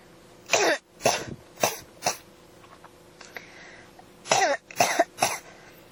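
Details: Persistent, non-stop cough (ASMR recording): seven short, harsh coughs in two bursts separated by a pause.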